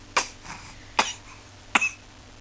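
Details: Little cough coughs from a baby with a stuffy nose, still smiling afterwards; cough.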